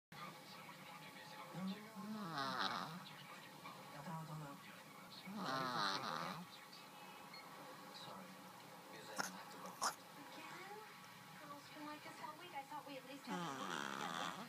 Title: Snoring cat